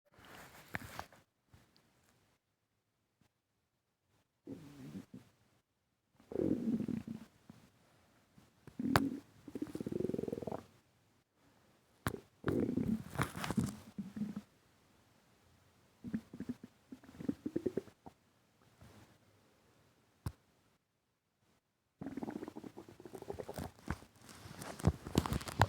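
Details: Stomach rumbling with breathing in and out: repeated gurgling, bubbling abdominal rumbles in bursts with quiet gaps; borborygmi.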